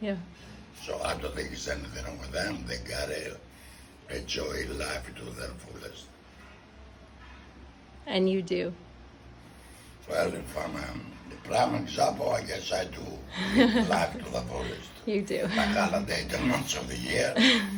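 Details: Tracheoesophageal (alaryngeal) speech with a voice prosthesis in a man 14 years after laryngectomy.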